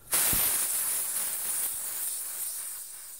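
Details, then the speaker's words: Sudden steady gas hiss that slowly fades as the oxygen line is unscrewed on the back of a Dräger Evita XL ventilator during shutdown, venting trapped pressure so oxygen does not leak. "it you can leave it all the way off or like I said just kind of barely put it on there just so it kind of holds but doesn't activate it and leak oxygen out and that would be it"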